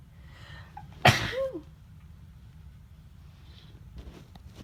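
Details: A single loud, abrupt sneeze with a sharp burst of air and a brief voiced trailing sound, in a quiet room in the morning; sneeze.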